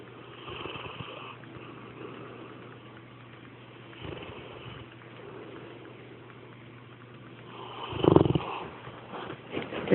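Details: Dog sleeping beside her owner: soft, low rattling snores recurring about every four seconds, roughly 15 breaths a minute, against quiet room noise: snoring.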